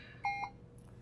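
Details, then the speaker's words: Puritan Bennett 560 ventilator in volume-based mode setup: a short two-tone electronic confirmation beep over steady machine hum as the checkmark/accept key is pressed while adjusting settings such as tidal volume and PEEP. "to do that you just press the checkmark and then you adjust with the arrows up and down and when you get to where you want then you just press the accept key there"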